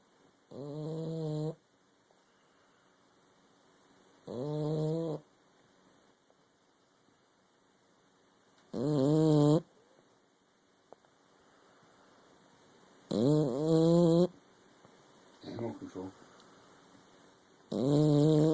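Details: Female animal with gills moving as she snores, recorded in the dark: regular tonal, buzzing snores on each breath, about 13 a minute, with quiet gaps between; steady sleep snoring.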